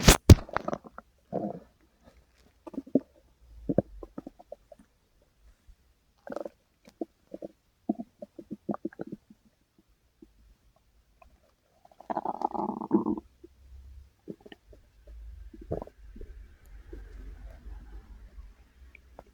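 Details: A person's own stomach growling, which they say is sometimes much louder: bubbling gurgles, squelches and a longer low rumble in irregular bursts with quiet gaps. Ordinary stomach growling (borborygmi).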